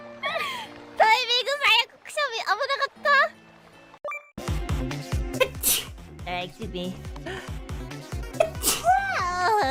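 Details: Compilation of sneezes from several VTuber streamers: several sharp, explosive sneezes from different voices, with voiced gasps around them and music and talk in the background.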